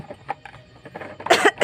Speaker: adik Umi Takut lo dengar suara batuk loh coba batuk bang dia takut itu